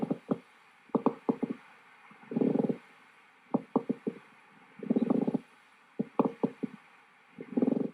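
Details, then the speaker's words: Nursing respiratory assessment teaching example of a pleural friction rub, an adventitious lung sound likened to a boot pressing into fresh powdery snow or squeezing a bag of flour. "a third kind of adventitious sound is rub a rub sounds like if you put your boot down in fresh powdery snow or if you're not familiar with snow imagine a five pound bag of flour"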